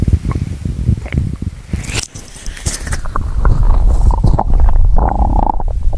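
Loud, low gurgling and rumbling from the belly, varying in strength; ordinary stomach growling from hunger.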